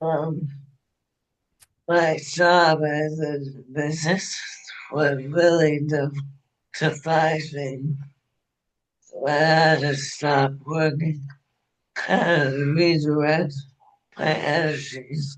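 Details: Dysarthria in an adult woman, anesthesiologist, with ALS diagnosed February 2021, onset with hand weakness and swallowing trouble; now ventilator-dependent, which she says also makes speaking difficult.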